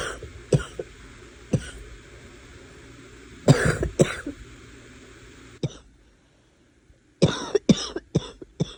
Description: Learning my lesson that if you try and suppress a cough long enough, it will laugh at you and send you out with a barking cough, haha